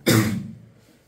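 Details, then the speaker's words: One short, harsh cough burst from a 16-year-old boy with a frequent, nagging chronic allergic cough lasting seven to eight years, worse from evening into night. "ওর এই ঘন ঘন কাশি frequent একটা allergic কাভ nagging কাভ constant চলছে"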